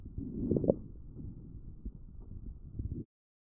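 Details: Fine crackles recorded with a StethoMe electronic stethoscope and identified by AI: muffled breath sounds with brief, scattered clicking pops from a child's lungs.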